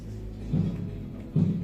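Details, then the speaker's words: Two soft, low Korotkoff thumps about 0.8 seconds apart over the arm as the cuff deflates after inflating past loss of the radial pulse; phase one marks systolic, disappearance diastolic pressure. "Entonces la fase uno, que es la aparición de los ruidos de coroc marcan la presión sistólica y la fase cinco, cuando desaparecen los ruidos, la presión diastólica."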